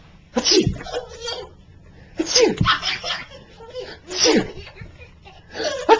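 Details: Three sharp explosive sneezes in a row, each followed by a short vocal sound, recorded in 2008 on a Flip Video camcorder; repeated sneezing.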